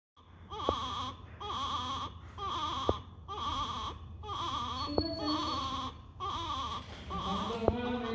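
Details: Infant in respiratory distress with expiratory grunting: short voiced grunt with each breath out, about 60 a minute.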